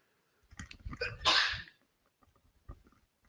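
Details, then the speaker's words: Adult sneezes during a recorded market commentary: sneeze. "we're not sure if you able to hear the the sneezer this effect"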